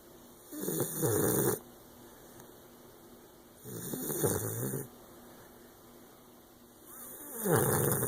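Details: Bulldog puppy snoring while asleep: rough, rattling snores on each breath in, about 20 breaths a minute; snoring.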